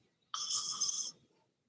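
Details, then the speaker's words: Pet dog (female) snoring while asleep, loud and rumbling like thunder. "It's not thunder. It's my damn dog. That's what it is. She's snoring."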